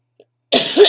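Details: A single harsh, rough cough from an adult with chronic illnesses and bronchitis, with asthma complications, feeling very unwell; bronchitis cough.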